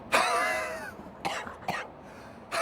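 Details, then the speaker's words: Physician who is himself an asthma patient deliberately imitates an asthmatic cough: a long whistling, wheezy cough followed by three shorter coughs, the wheeze typical of asthma. "이런 거 쌕쌕 소리 그래서 제가 천식 환자라서 그래요 이런 소리가 나면은 우리가 천식일 수가 있다"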